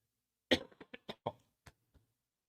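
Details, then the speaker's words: Adult male podcast host's nasty cough during a live sports talk stream. "oh God that's a nasty cough I'm so sorry if you guys had to hear that"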